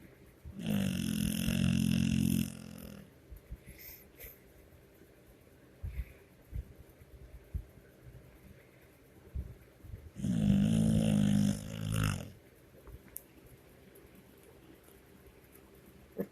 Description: Just trying to get some sleep and I was awoken buy my three year old pit bull